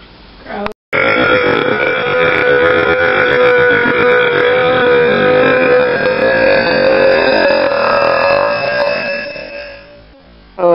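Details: Boy burping: one long, loud, drawn-out voiced burp of about nine seconds with a steady rumbling tone; prolonged belch.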